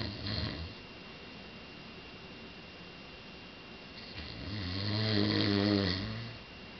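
A brief breath sound, a quiet pause, then one long, low, droning snore on the in-breath; ordinary snoring.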